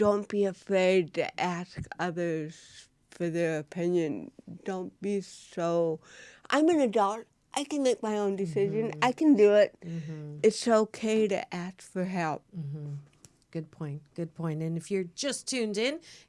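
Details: Adult woman, an actress with cerebral palsy, speaking in a studio interview: dysarthria due to cerebral palsy.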